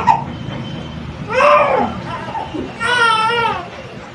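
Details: Newborn baby girl's first cry just after natural birth, with an umbilical cord loop and her hand delivered alongside the head: short, strong wailing cries, a normal first cry.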